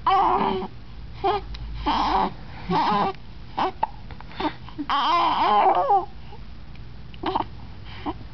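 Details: Infant with hiccups, fussing: repeated short, fussy crying and whimpering bursts in a small room.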